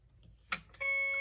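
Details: Alaris IV infusion pump: a click, then a steady electronic beep as primed tubing is loaded and the door closed, no patient connected; normal device alert.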